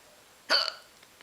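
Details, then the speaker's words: A single abrupt, brief voiced catch of breath with a short trailing sound, a hiccup, in a quiet room. "I finally got the hiccups I got the hiccups and I'm here I'm here naning you got the hiccups and"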